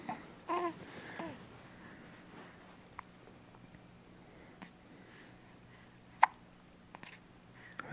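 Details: Baby boy, seemingly surprised by his own hiccups: several brief, sharp hiccups spaced a second or more apart in a quiet room, with a short vocal sound at the start; hiccups.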